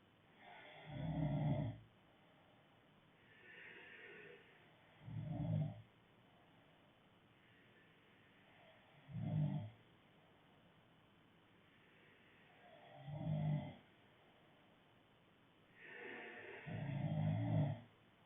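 Low, rattling snores on breathing in, about 15 a minute, with soft breaths out between; steady snoring.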